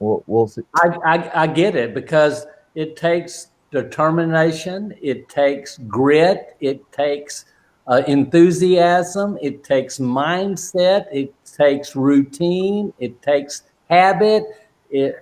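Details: Adult man with aphasia since a stroke during heart valve surgery in 2007; shortly after the stroke he could say only 'Michael' or 'one'; non-fluent aphasia.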